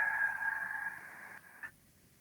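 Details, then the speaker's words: Imitated slow, drawn-out whistling exhalation after quick inspiration, showing prolonged expiration typical of asthma, also seen in COPD. "Eso es el asma. Paciente que ustedes vean que inspira rápido, pero expira lento."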